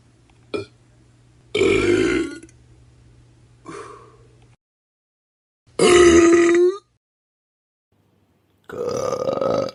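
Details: Sound-effect compilation of deliberate burping: four loud, throaty, rumbling voiced burps separated by silence.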